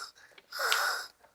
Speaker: 如果它是低频，而且是一个连续性的那基本上这种是比较属于良性的打鼾的所以一般我们常常会说用声音来模拟的话，就是你会听到它就是很这样。